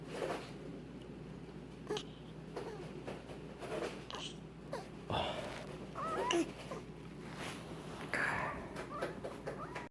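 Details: Pet prairie dog with something periodically stuck in her nose (owner suspects hay pollen): squeaky, whistling, snuffly breaths with small whimper-like squeaks from a partly blocked nose; noisy nasal breathing.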